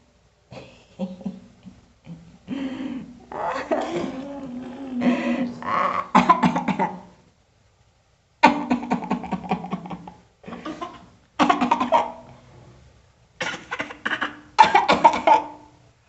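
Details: Deliberately imitated coughing and throat-clearing with a grandmother, in several clusters separated by brief pauses.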